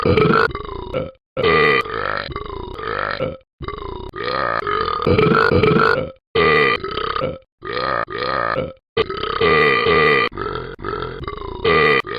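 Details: Burping, described as a burping problem: loud, drawn-out belches in close succession, about ten over twelve seconds, with little pause between them.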